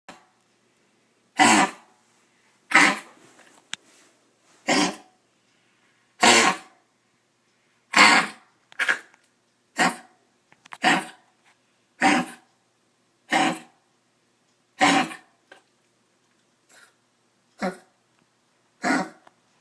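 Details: A dog with kennel cough coughs in a steady run of about a dozen harsh, honking bursts.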